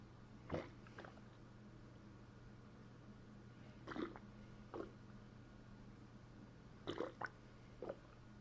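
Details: Bowel sounds (borborygmi) brought out by pressing a fist down on the stomach: eight short, bubbly gurgles in loose clusters over a steady low room hum.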